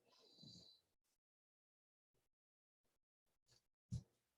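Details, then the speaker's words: A pet dog sleeping during a yoga class makes a few soft, low, snorting breaths spaced over several seconds, with faint room noise; canine snoring. "you can hear snoring that's my dog"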